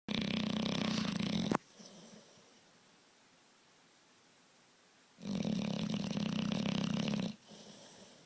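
Loud, rattling, fluttering snores on each breath in, with quieter breaths out; heavy dog snoring.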